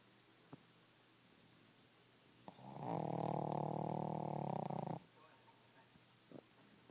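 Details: Snoring from a small 10-lb Boston Terrier: a single steady, buzzing breath sound lasting about two seconds against quiet room noise.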